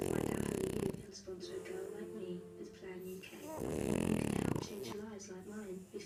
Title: Rodney the french bulldog snoring after a long walk!